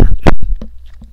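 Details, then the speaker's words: Adult livestreamer coughing twice briefly, forceful bursts as if clearing an irritated throat, during a talk, then quiet room noise. "sorry it's like things getting in my throat"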